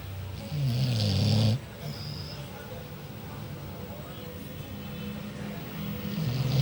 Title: Anjing tidur ngorok SNORING DOG